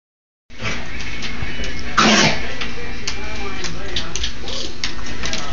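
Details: A single harsh, hacking cough-like burst from a dog that was breathing hard, over steady background noise; hacking cough.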